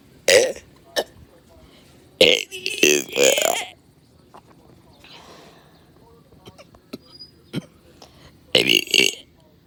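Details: Burping in a neighborhood: several loud, voiced, drawn-out belches with quiet gaps between them.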